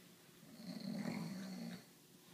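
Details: Person snoring: a single soft, droning snore on one breath in a quiet room.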